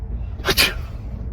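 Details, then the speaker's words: Sneeze from a person who says they have a cold, in a sneezing prank: a single sharp, explosive burst of air against a noisy background. "Oh my god. I'm so sorry, babe. I just sprayed snot on you."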